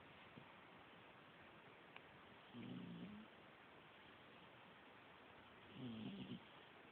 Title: Cat snoring